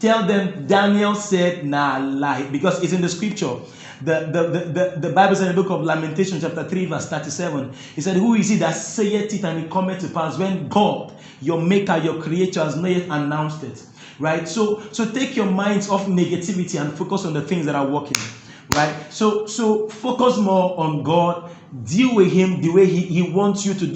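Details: Adult man who stammers, reporting difficulty when talking but none when singing; stuttering.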